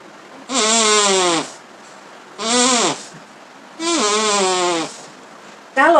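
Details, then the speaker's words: Simulated snoring: air blown through a narrowed straw with a cut, flapping valve produces repeated buzzing tones, modelling airflow obstructed by a vibrating structure. "yang sama terjadi di saluran pernafasan disebutnya mengorok"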